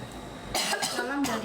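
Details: Person still sick with a cough and voice gone: a few harsh, dry cough bursts with some throat clearing over quiet room noise.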